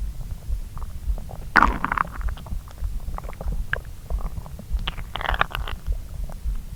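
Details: Stomach digesting a pasta brunch eaten after a long morning on an empty stomach: continuous low rumbling with bubbly gurgles and squeaks, normal borborygmi of digestion.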